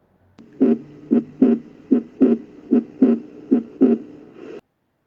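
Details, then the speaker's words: Normal heart sounds at the tricuspid area, fourth intercostal space at the lower left sternal border: regular lub-dub at about 75 beats a minute. "El foco tricúspide se encuentra en el cuarto espacio intercostal izquierdo en la parte inferior del borde esternal izquierdo."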